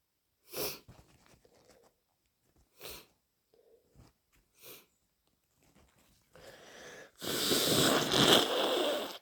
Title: 2 messy cold sneezes plus lots of snotty, gurgly blows 🤧🤧